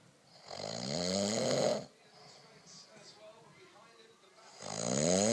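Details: Adult man (husband) snoring in sleep after drinking too much wine: two loud, rattling inspiratory snores separated by a quiet pause; ordinary snoring.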